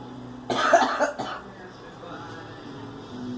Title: Girl coughing